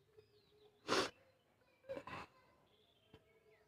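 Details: Coughing challenge on a rooftop by someone with a real cough from a cold, throat burning and breath catching: three short, harsh coughs, one single then a close pair, in a quiet setting.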